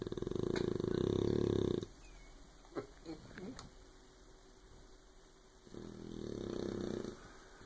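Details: Sleeping puppy snoring: two rough, fluttering breaths a few seconds apart with faint small squeaks between them.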